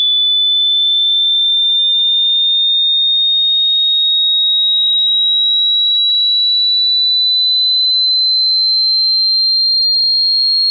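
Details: Hearing test: a pure, steady high-pitched tone slowly rising in frequency, a generated sweep to measure hearing capacity across pitches.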